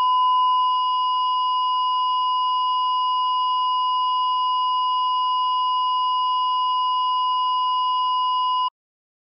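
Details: A heart monitor gives a steady, unbroken high beep, the flatline alarm showing no detected heartbeat: monitor flatline alarm (asystole).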